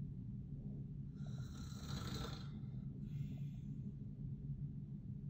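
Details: Adult man (father) snoring while asleep: one long, harsh rattling snore followed by a softer, shorter one, over steady low room hum.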